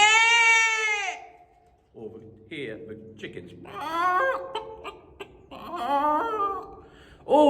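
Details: Echolalia in an autistic man, vocally imitating farm animals as a happy stim.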